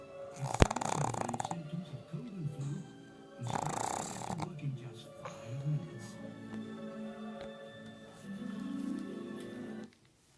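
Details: Born-blind pug asleep with eyes open: loud rasping snores in long bursts with a snorting nasal rumble and faint talk in the room; noisy upper-airway breathing, snoring.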